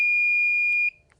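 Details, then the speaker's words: Brief steady high-pitched electronic tone cutting off: the old HeartMate 3 LVAD controller shutting down after its battery button is held for five seconds, once a controller change-out is complete, demonstrated in EMS training. "Now to turn it off what you want to do is hold this battery button for five seconds"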